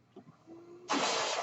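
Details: Own mechanical ventilator of a podcaster born in the mid-1980s, heard while they talk; the sound of the ventilator running.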